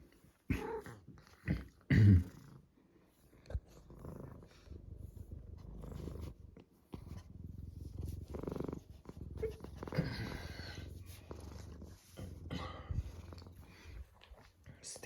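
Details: A ginger cat described by its owner as sick, which coughs and then purrs: a steady, low, rumbling purr with gentle rhythmic pulsing through its breaths.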